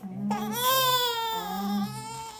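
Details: Strong, sustained, high-pitched wail over a low steady room tone from a one-month-old infant during a hearing test; an ordinary infant cry.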